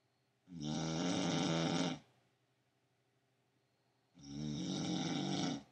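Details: Wife who claims she doesn't snore, recorded asleep at night snoring very loudly; two loud, rough, rattling snores on breathing in with quiet pauses between; ordinary snoring.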